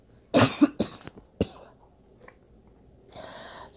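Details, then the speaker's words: Adult who says they are sick gives a short run of three or four loose, somewhat wet coughs while speaking. "excuse my coughing I'm sick so hey I'm sorry"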